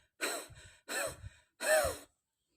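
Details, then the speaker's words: Demonstrated huff cough for COVID-19 patients and survivors: after a deep breath, three forceful open-throat breathy exhalations (huffing) to clear airway mucus, before a final cough to bring up phlegm. "Kalau pengen yakin huffingnya betul apa enggak tuh pakai kacamata. Jadi pas huffing itu di kacamata kalau mengembun berarti itu betul."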